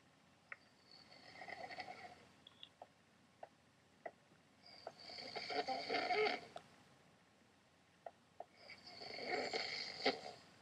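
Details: Snoring in a sleeping adult man (husband): three loud rattling snores about four seconds apart, roughly 15 breaths a minute, with soft clicks between them in a quiet room.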